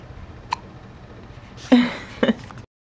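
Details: Hiccups: a few short, sharp catching sounds in a quiet room, one soft and then two stronger ones.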